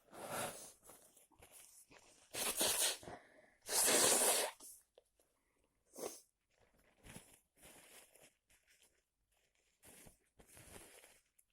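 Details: Person sneezing repeatedly after a walk in heavy, cold rain without an umbrella: several sharp, explosive bursts through nose and mouth, the loudest two close together, repeated sneezes.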